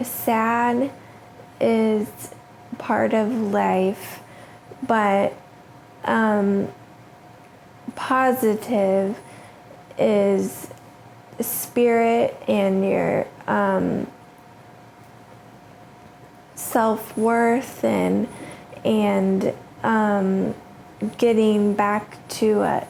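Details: 36-year-old woman with aphasia after a stroke a few days after giving birth, with early trouble initiating speech, treated with rehabilitation and therapy and described as improving: post-stroke aphasia.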